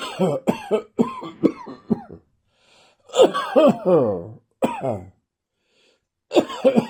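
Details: Dry morning cough: several bouts of short, hacking coughs with a voiced, throaty quality and no wet rattle.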